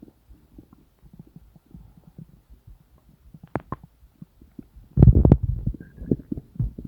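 Frequent soft gurgles and low bubbling pops, building to a louder rolling gurgle near the end: active bowel sounds, ordinary stomach rumbling.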